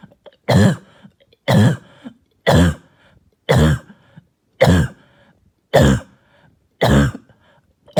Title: Barking and Hacking Cough All Night